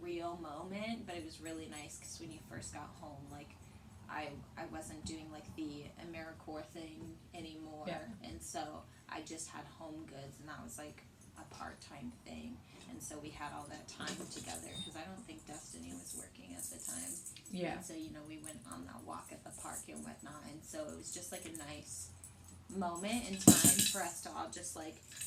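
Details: Young adult woman; ordinary conversational speech.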